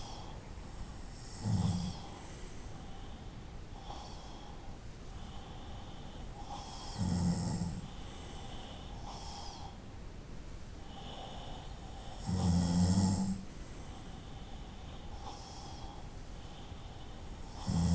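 Slow, soft snoring with a brief low snort about every five to six seconds, around eleven breaths a minute, over quiet room hiss.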